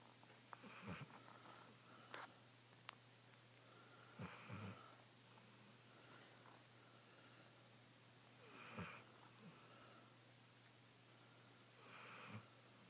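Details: A sleeping dog snores in slow, regular rumbling bursts, about 17 breaths a minute: snoring.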